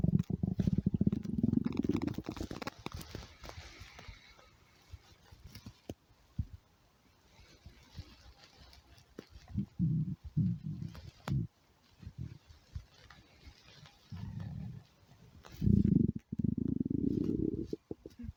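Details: Hungry person's stomach growling: low bubbling, gurgling rumbles in bursts with quieter gaps, from gas and fluid moving through the gut (borborygmi).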